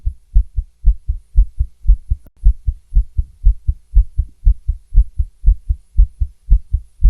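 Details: Female heartbeat recorded with a stethoscope: fast heartbeat with some skipped beats, tachycardia with skipped beats.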